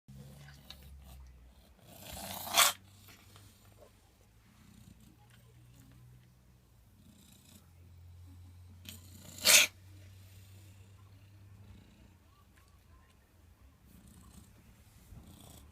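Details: Cat recorded soon after being brought home: two short, sharp cough bursts a few seconds apart over a steady low purr; coughing.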